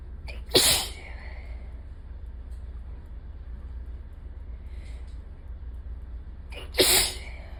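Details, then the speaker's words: Two forceful sneezes several seconds apart over low room hum, from a person with ongoing allergies the day after a bad allergy day; repeated allergic sneezing. "God, that one earlier got it all over my shirt. I'm in a bit of a mess. It was just really wet. It got everywhere."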